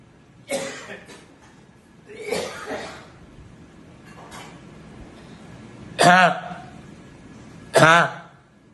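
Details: Patient with Tourette syndrome producing involuntary, partly suppressible, embarrassing vocal tics.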